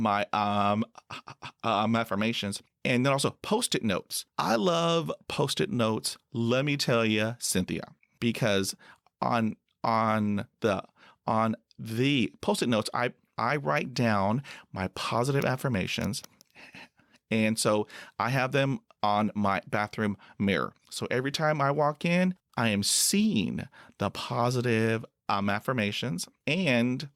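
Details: Adult male who stutters, a Persian Gulf War veteran, speaking in a podcast interview; repetitions and filler interjections heard. Finding: stuttering.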